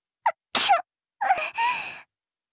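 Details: A voiced sneeze from the video game character Sucrose (Genshin Impact): a sharp intake, then a drawn-out "ah-choo"; a voice-acted sneeze.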